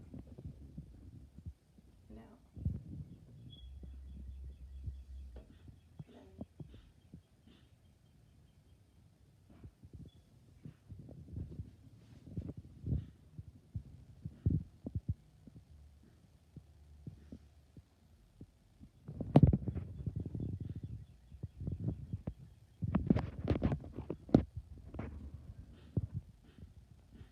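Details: Normal breath sounds in a female patient: soft, low inspiration and expiration heard through a stethoscope over the anterior chest during a ten-area lung assessment, with no crackles, wheezes or rhonchi.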